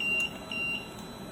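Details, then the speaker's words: LTV 1200 transport ventilator, not connected to any patient, sounding repeated high-pitched electronic beeps: a low pressure alarm because no pressure is sensed. "have the low pressure alarm because it's not cooked to anyone any one person so there's no pressure so it's senses that"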